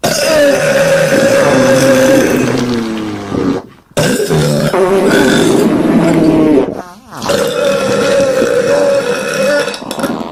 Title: Stomach Sound With Burps And Farting